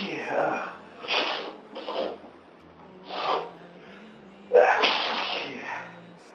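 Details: Several sharp sneezes with quick breaths between them from an adult who has had a cold for about three days; sneezing with a cold.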